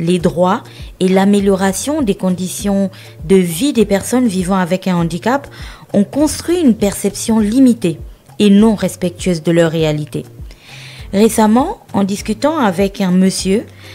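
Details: Adult woman speaking French; typical speech.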